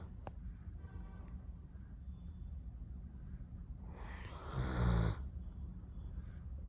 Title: Snoring Doberman #shorts #deepsleep #pets #doberman